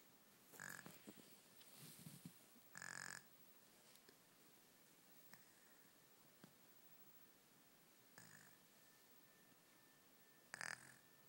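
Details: Sleeping infant boy snoring: intermittent short, raspy snoring breaths with pauses between, quiet room hiss.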